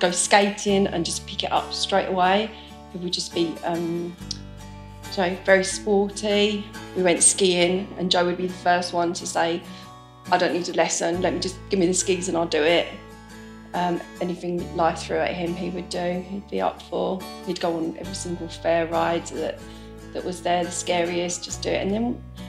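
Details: Adult woman speaking; normal speech.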